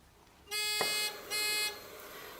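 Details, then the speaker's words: Two high-pitched electronic alarm tones with a click between them. This is a Weinmann Medumat Standard A emergency ventilator alarm during a device check with a test bag, frequency 8 and minute volume 8, no air mix; the alarm can be ignored. "is the case so the test bag is filling completely um you can ignore the alarm in this case um just the text test back needs to fill completely"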